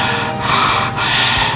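Loud, harsh, hollow breath sounds with long phases and only brief pauses between them: bronchial, tubular breathing.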